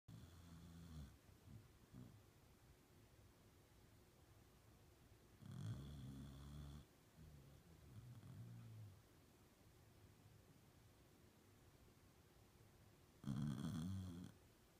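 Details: Dog sleeping in bed: quiet, low rattling snores recurring every few seconds with near silence between, in a small room.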